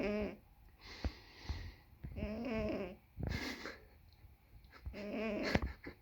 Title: Snoring cat 😻